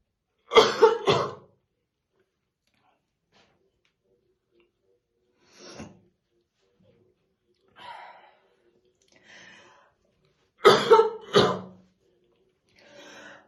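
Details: Real, unacted morning coughing fit of a female smoker brushing her hair: harsh coughs in pairs, then softer breaths and throat sounds; heavy smoker's cough.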